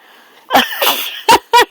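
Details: A deliberate sneeze made on command, followed by two short sharp bursts, while being repeatedly urged to sneeze again.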